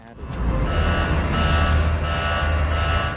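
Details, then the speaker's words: Loud, steady electronic alarm tone with a low rumble beneath: a film scene's alarm bell set off by a leaking oxygen valve in the incubator holding an alien organism. "갑자기 울린 경보벨은 켈빈이 있는 인큐베이터에 산소 밸브가 새면서 울리게 된 거였죠."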